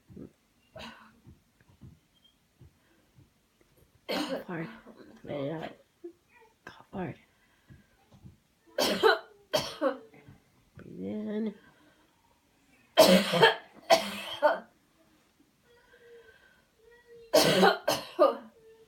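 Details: Deliberate coughs in pairs between quiet pauses and breaths during a coached, counted breathe-in and breathe-out routine; a demonstration of a voluntary cough airway-clearance technique.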